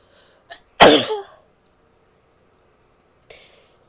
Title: sneezing, coughing, nose blow towards the end (f)